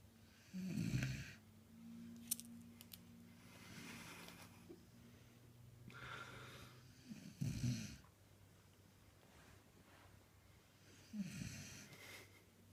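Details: Sleeping beagle, three low rattling snores about five seconds apart in a quiet room; dog snoring.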